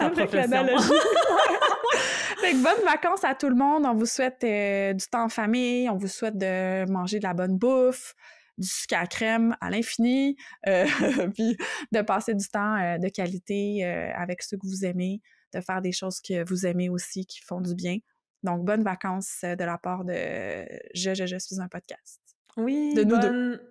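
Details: Adult woman speaking French, second voice briefly at end; speech with a brief stuttering repetition.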